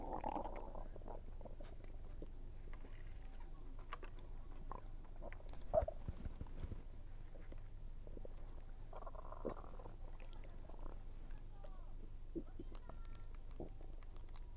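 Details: Stomach rumbling while eating, which the person links to low atmospheric pressure: faint gurgles and short squeaky rumbles over a low steady hum, with occasional chewing clicks; ordinary bowel sounds (borborygmi).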